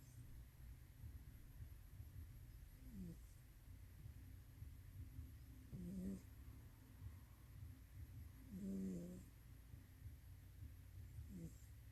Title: snoring